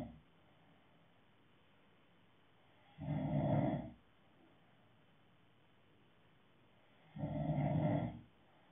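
Two low rattling snores on inhaling, about one every four seconds, with quiet gaps between; ordinary snoring in a quiet room.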